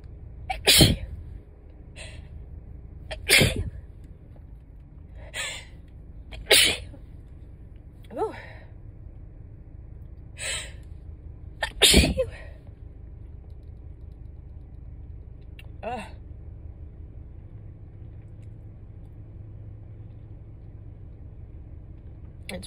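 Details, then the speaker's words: Allergic sneezing in a very stuffed-up adult while driving, sneezes drier and less messy than before: about nine sneezes, some loud, some soft and stifled, over twenty seconds with car noise. "weird because these sneezes honestly feel kind of different compared to the ones that I had before."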